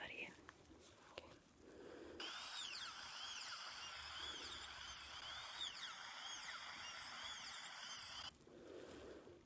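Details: Simulated ASMR dental roleplay of a filling procedure with a liner and amalgam: a high-pitched whining drill with rising and falling pitch sweeps between quiet murmured speech: dental drill.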